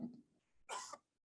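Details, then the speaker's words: A single sharp, explosive adult cough, recorded cleanly away from any noise such as an air conditioner, as a pure cough reference. Cough. "So I'm going to first play the pure cough. This is very clear. You will hear that."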